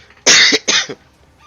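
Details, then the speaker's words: Person has a coughing fit during a recorded tabletop role-playing game session, with the game pausing while they cough. "just god has a coughing fit one moment please and the entire universe goes on pause"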